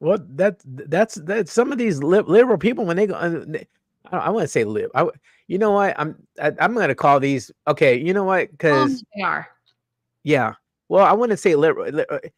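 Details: Adult male host with a self-reported stutter that was very noticeable in his earlier videos and worsens with unfamiliar people or situations; stuttering.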